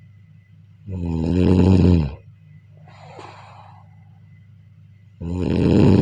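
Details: Snoring during sleep: loud, vibrating snores on breathing in, about four seconds apart, with a softer breath out between over a faint hum.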